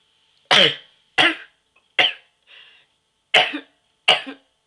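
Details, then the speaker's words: Repeated sneezes deliberately triggered with a sneeze inducer: five sharp, explosive bursts of air with a softer sound between them. "so yeah I'm going making another sneezing video for you now and upload it tonight maybe and yeah um um here it goes I have my sneeze inducer and I'll be getting some tissues in a second"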